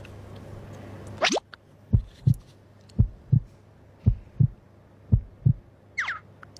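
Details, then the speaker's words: Dramatized heartbeat sound effect: regular paired low thumps about 57 per minute, a whoosh at the start and a brief tone at the end; someone says their heart is beating hard. "เต้นแรงอยู่นะ>>เอ>>เราได้ยินเสียงหัวใจตัวเองแล้วอือ"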